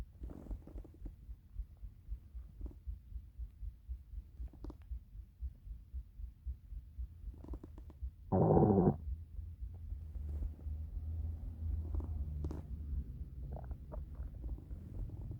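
Low gurgling and rumbling from the belly with one louder growl; hunger-related bowel sounds.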